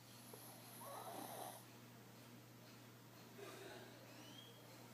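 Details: Sleeping pug snoring: faint, rattling breath noise with a snorting quality under a steady hum.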